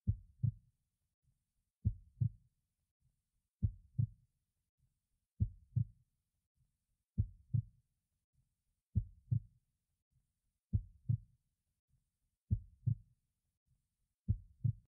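Slow, regular heartbeat with clear paired lub-dub sounds, about 34 beats a minute, in a quiet background.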